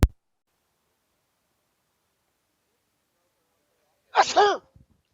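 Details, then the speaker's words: A single short, sharp burst of voiced air after near silence: one sneeze, made into the person's hand. "I just sneezed in my hand a little."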